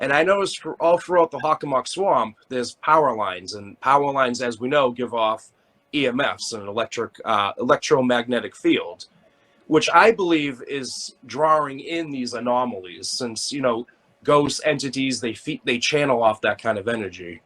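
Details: Adult male speaker; ordinary speech.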